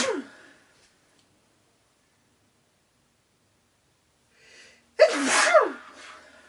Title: Boyfriend sneezing into handkerchief, wearing my dress shirt